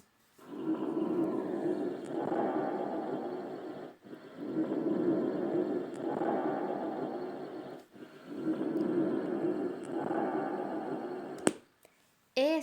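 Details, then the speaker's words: Bronchovesicular breath sound heard over the central chest: three even breath cycles of soft, rushing airflow, with inspiration and expiration of similar length and no pause between. "deixe som intermediário entre o som brônquico e o murmúrio vesicular o tempo de som da Inspiração vai ser semelhante ao tempo de som da inspiração Ah e não vai ter uma pausa e entre esses dois sons"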